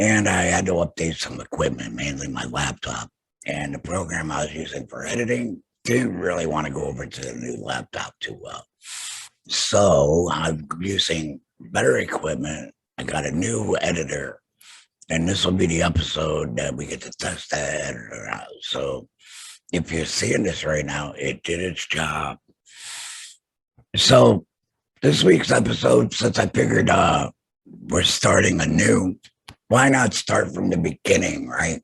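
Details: Adult male laryngectomee after throat cancer, total laryngectomy with vocal cords removed; mentions tracheoesophageal voice prosthesis use; alaryngeal speech after total laryngectomy.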